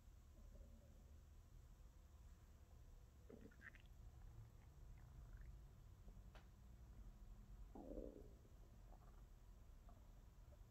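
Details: Ordinary stomach growling from a hungry stomach, ASMR recording: low, quiet gurgles and a few brief squeaky rumbles, growls and grumbles over steady low background noise; borborygmi.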